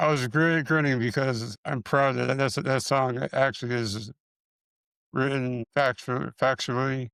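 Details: Man with multiple system atrophy, parkinsonian type (MSA-P), who reports his speech has more of a stutter and tremor, more noticeable after the first two minutes; dysarthria with stuttering-like repetitions.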